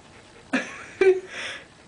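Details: Baby girl who often gets hiccups: two abrupt, sharp gasp-like sounds half a second apart, the second with a brief voiced squeak; hiccups.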